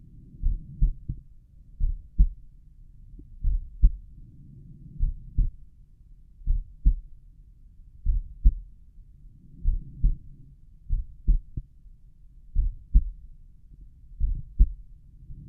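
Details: Own slow resting heartbeat auscultated at the tricuspid area: regular lub-dub sounds at about 55 beats a minute, slightly muffled recording; normal heart sounds, slow heart rate.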